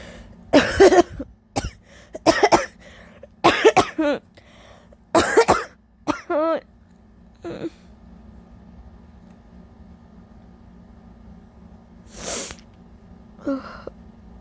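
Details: A fit of about five harsh, wet coughs with throat clearing and rough breaths after: a scratchy, productive cough with sneezing, sore throat and lost voice after days of bad allergies.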